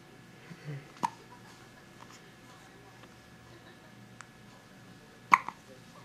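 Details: Newborn girl, 1–2 days old, first hiccups outside the womb: two sharp, brief hiccup sounds about four seconds apart in a quiet room; normal newborn hiccups.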